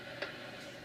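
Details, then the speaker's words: Doppler auscultation over an adult woman's right temporomandibular joint during lateral translatory movement to the left, away from the Doppler: a brief grating crackle over steady hiss, TMJ crepitus, matching that heard on wide opening. "so she has that same crepitus on translation in her lateral movement as she does in her wide opening"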